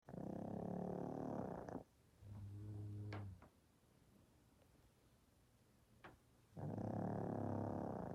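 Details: Small dog and a child asleep, alternating snores: two loud rattling snores with a softer, higher snore and faint snuffles between them as they take turns; snoring.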